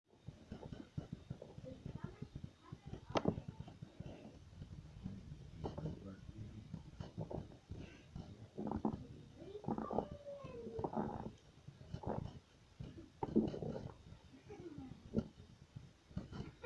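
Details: Loud, roaring stomach growls with gurgles and squeaky, pitch-sliding rumbles from gas and fluid moving: normal borborygmi.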